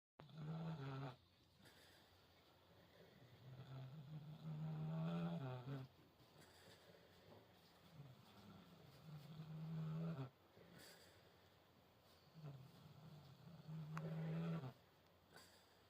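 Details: Sleeping Kunekune pigs snoring: slow, regular, low rumbling snores, about 13 a minute, with quiet breaths in between.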